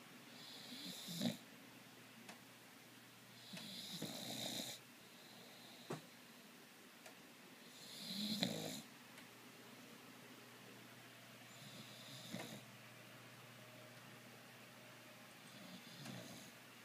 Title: Boxer Puppy SNORING With Tongue Out.